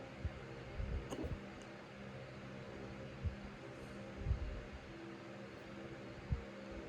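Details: Repeated hiccups, sharp jerky bursts every one to two seconds over a fan-like hum, in a person who has had them for almost half an hour; they lasted over an hour and stopped on their own.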